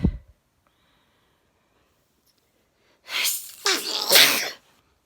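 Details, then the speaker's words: Single adult sneeze after sneezing for about three minutes on going outside at sunrise: a brief click, silence, sharp inhaled build-up, then a loud explosive burst. "okay i've been sneezing for about three minutes now"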